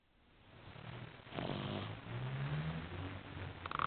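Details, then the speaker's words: Snoring in an 8-week-old female puppy asleep and dreaming: soft, low rumbling snore with irregular, fluttering breaths; ordinary snoring. "She's only 8 weeks and already she's snoring. Imagine having this on your bed while you're trying to sleep."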